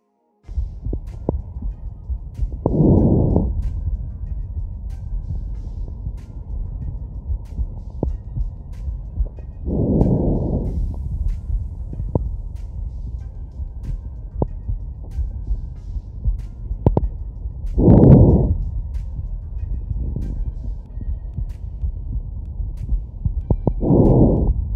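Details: Recorded with a Stemoscope digital stethoscope on the body: muffled, rushing breath sounds during slow deep breaths with a low rumbling background, normal breath sounds.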